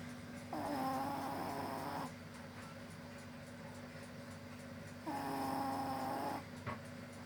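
Two long, rumbling snores on the in-breath, about 4.5 seconds apart, with quiet out-breaths between; snoring during sleep.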